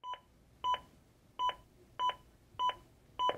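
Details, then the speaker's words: Steady electronic beeps at about 100 per minute from an AED Plus defibrillator metronome, pacing chest compressions during CPR (30 compressions, 2 breaths) after a delivered shock and guiding compression depth and rate. "i mellomtiden så vil hjertestarteren veilede deg med å gi riktig trykk dybde og riktig frekvens god kompresjon og den hjelper deg gjennom hele forløpet"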